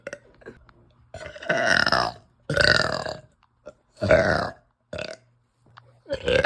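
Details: Woman, bloated and nauseous after eating pasta, burping uncontrollably: five loud, drawn-out belches with brief pauses, one after another, while saying "help"; repeated burping.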